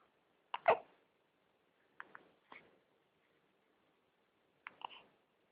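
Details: Three short, sharp, clicky bursts spaced a couple of seconds apart in a quiet room, fitting hiccups.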